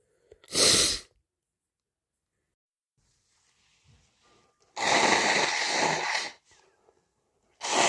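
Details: Close-up of the nose: a sharp, explosive sneeze, then a long noisy nose blow and the start of another burst; ordinary sneezing and nose clearing.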